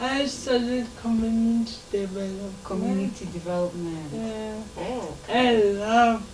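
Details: Dysarthria in a 27-year-old woman who has lived all her life with cerebral palsy.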